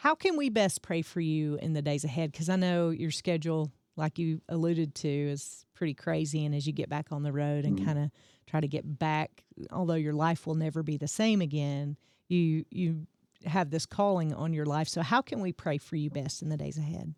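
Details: Adult speaker; normal speech.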